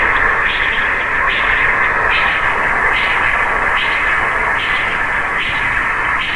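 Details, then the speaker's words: Spectral Doppler of a patent arteriovenous fistula with PRF increased: loud, continuous rushing flow that never drops to silence, pulsing at about 73 a minute, with systolic and diastolic flow, turbulence and no resistance as artery shunts to vein. "So because there is direct communication between the vein and artery, what is happening here is there is systolic and diastolic flow, and there is lot of turbulence."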